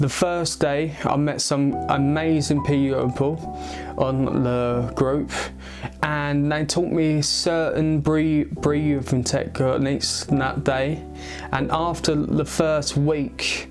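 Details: Male aged 22 who has stammered since age eight; he links it to a skull fracture from a baby-walker fall at age three or four. It worsens under stress; treated with speech therapy and an intensive Michael Palin Centre course. Stuttering.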